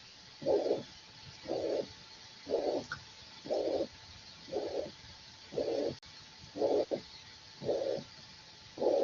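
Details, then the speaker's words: Mitral regurgitation (insufficiency) murmur played in a cardiology semiology class: regular blowing systolic whooshes about 60 a minute, unlike the stenosis rumble. "Un soplo sistólico hermoso, ¿no? diferente a la estenosis, ¿no?"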